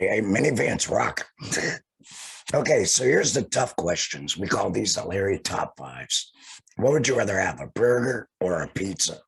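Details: Tracheoesophageal speech from a male laryngectomee speaking through a TEP voice prosthesis after laryngectomy.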